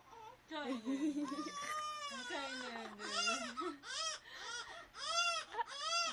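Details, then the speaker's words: A young child cries and whimpers in rising and falling wails in a small room after suddenly crying while the adult was asleep. Ordinary upset crying, not illness. Finding: crying. "Aray ko ang sarap na ng tulog ko bigla kang umiyak"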